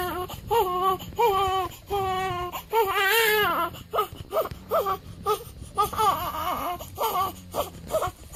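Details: Crying of a 7-day-old newborn, recorded at home around a weigh-in; infant cry.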